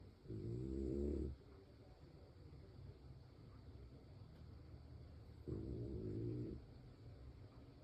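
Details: French bulldog named Mister Cree snoring. Snoring.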